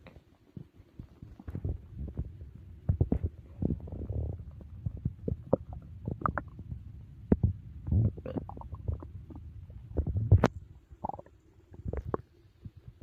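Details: Borborygmi after a big meal: low gurgling, rumbling and squelching bowel sounds with brief higher squeaks, typical active digestion.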